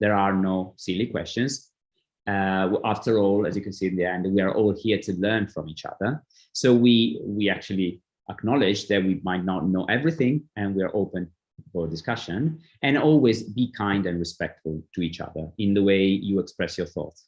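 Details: Adult speaker; typical speech.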